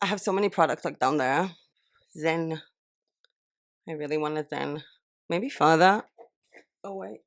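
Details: Adult woman with a temporary pain-related lisp from two impacted upper wisdom teeth pressing on each other and hurting her jaw, heavily medicated for several days; she lisps instinctively to relieve pain, sounding like a speech impediment; lisp.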